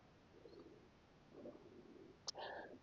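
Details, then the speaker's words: Soft, low gurgling rumbles in two stretches, then a brief click and breathy rustle: an instructor's stomach growling (borborygmi) in a 12-minute vinyasa yoga class, noticed by herself. "Oh, my stomach's growling. That's nice. I hope you get to hear that."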